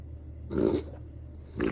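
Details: Dog reverse sneezing: two loud, harsh snorting bursts drawn in through the nose. Owner says it can sometimes be settled with Kampo herbal medicine.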